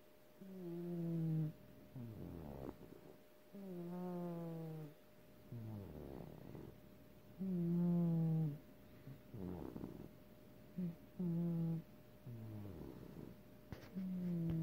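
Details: Snoring in a sleeping animal: slow, rhythmic buzzing snores, a tonal drone on each breath in and a rattling breath out, about nine a minute.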